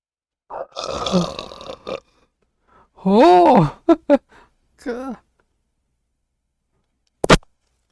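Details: Long rumbling belch followed by several short burps and a brief voiced sound, then quiet, after drinking soda, eight days after Botox treatment for retrograde cricopharyngeus dysfunction (inability to burp).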